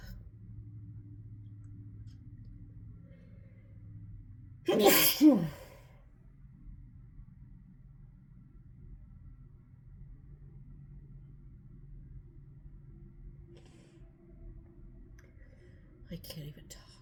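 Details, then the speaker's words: Woman at work in a prolonged sneezing fit, sneezy all morning, trigger unknown, sneezing into her hand: one loud sneeze followed later by a smaller muffled one, over a low steady room hum. "Oh god, you guys, I never sneeze like that. What the hell?"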